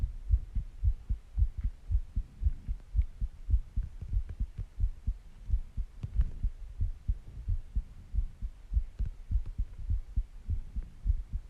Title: Heartbeat Sounds And Breathing Sounds